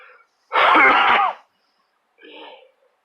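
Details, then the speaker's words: Unwell adult with chest tightness, difficulty breathing, wheezing and frequent coughing, who worries it might be pneumonia: one loud, harsh, drawn-out, voiced, slightly wheezy cough, then a faint breath. "I'm not feeling too well today though tightness heinous right here difficult to breathe I'm coughing a lot hopefully it's not [ __ ] pneumonia nor something"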